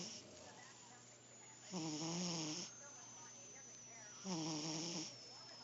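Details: Oscar the cat snoring while asleep: loud, buzzing snores on each breath in, about one every 2.5 seconds, with quieter breaths out between.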